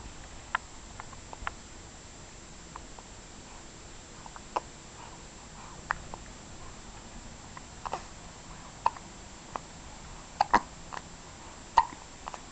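Short, sharp clicks repeat irregularly in a quiet room, about 48 a minute, fitting an infant's hiccups.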